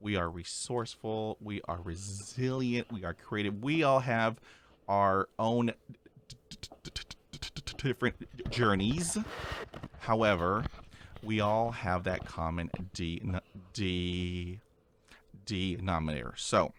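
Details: Real, natural conversational speech from a male podcast host who stutters; part-word repetitions of an initial sound are heard; stuttering.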